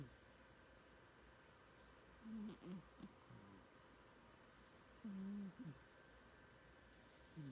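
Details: Sleeping cat's snoring, possibly while dreaming: soft, low rumbling snores, about 20 a minute, each a brief buzzy inhalation over quiet room noise; ordinary sleep snoring.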